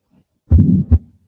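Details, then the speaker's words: Teaching lecture example: one heartbeat with a soft systolic ejection murmur after the first sound, ending before a good, clear second sound; a benign flow murmur, not aortic stenosis. "this is not our T nois this is a benine flow Mor more that so many people have"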